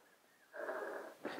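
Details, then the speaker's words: Pug dog snoring while asleep, a habitual snorer: a rough, wheezy snore followed by the start of another breath. "you can hear that snoring over there on my desk you can't see it can you see my desk it's behind the camera over there on my desk it's my pug down there below the camera is my friend gee he sometimes snores he always snores there dope"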